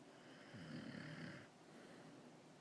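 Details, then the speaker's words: A single deep, rumbling snore of about one second, played back from a cartoon or film; snoring. "i don't snore i'm just having a bad dream what was that i think that's snoring if you ask me oh stop snoring"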